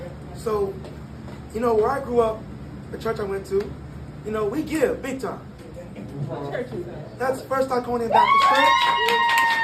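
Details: Glottal insufficiency voice (incomplete vocal fold closure) in a 22-year-old man, linked to extremely premature birth at about one pound, with lungs and vocal cords developing as he grew; the cords still don't close fully.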